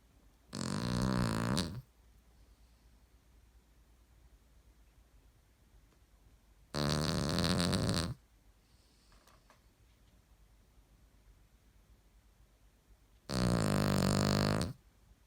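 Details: A dog snoring: three loud, buzzing snores about six seconds apart with quiet pauses between, about ten breaths a minute.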